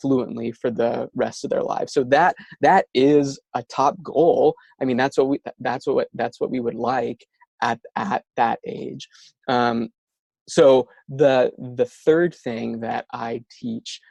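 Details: Stuttering in an adult male speaker, a speech-language pathologist who stutters himself; stuttering.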